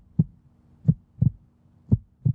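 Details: Real human heartbeat recorded for a science-and-jazz heart health project: regular low thumps, about 85 beats a minute, paired sounds audible; normal heart rhythm.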